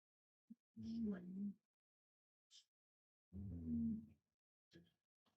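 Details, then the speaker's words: Bulldog snoring loudly just off camera behind a bed; owner describes him as a very loud snorer. "I don't know if you can hear, but my dog is snoring just off camera here, just behind my bed."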